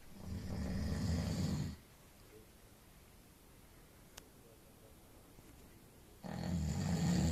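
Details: Deep, rumbling snores lasting about a second and a half, separated by long quiet pauses; ordinary snoring.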